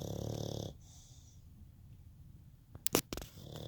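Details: Dog snoring: a brief, fluttering, snorting snore, followed by quiet breathing and a few clicks.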